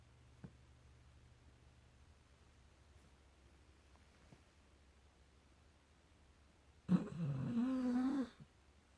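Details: A sleeping female pet gives a single snore: quiet room hum, then one loud, rough snorting breath lasting over a second with a low buzzing tone.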